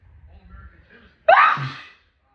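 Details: Sneeze from a drunk person: a soft breathy intake with a faint voice, then one sharp, loud sneeze that tails off over about half a second.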